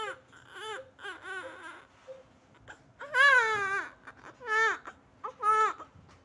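Short whimpers building into several strong, high-pitched crying bursts; a normal newborn cry.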